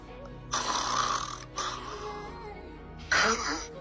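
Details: Man recorded overnight while asleep with the Sleep Rec phone app, which detects snoring; harsh, rattling snores over background music, two longer bursts then a louder third; snoring.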